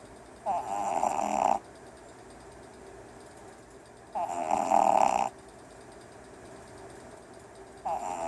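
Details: Red Boston terrier puppy dreaming while asleep, with regular buzzing snores about every 3.5 seconds, roughly 17 breaths a minute; snoring.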